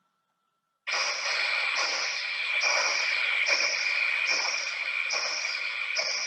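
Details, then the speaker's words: Transcranial Doppler: harsh, hissing, high-pitched flow surging about 70 times a minute, with a whirl-like turbulence at the base of the flow. This is the turbulent high-velocity flow of intracranial stenosis, also heard in vasospasm and vasculopathy; peaks reached 381 cm/s. "cuando se escucha este es el sonido que se escucha en las estenosis intracraneales también se escuchan en los vasos pasmos vasculopatía ese es el incremento de velocidades"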